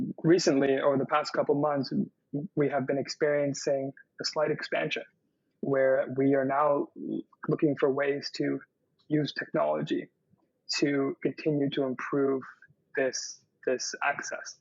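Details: Stuttering in an adult man who says his fluency varies, with good days and less fluent days.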